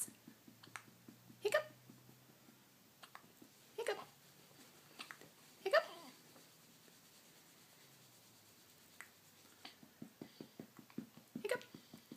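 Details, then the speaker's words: Female with hiccups: about four sharp, sudden hiccup bursts over twelve seconds, with soft clicking sounds between them. "you have the hiccups?"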